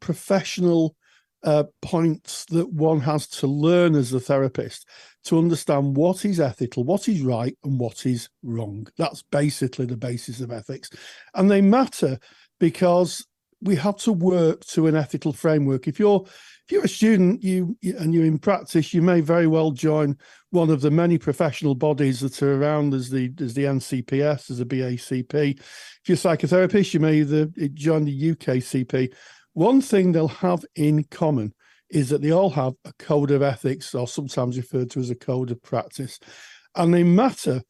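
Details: Adult man speaking; typical adult speech.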